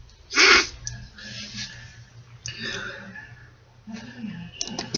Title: Snotty sneeze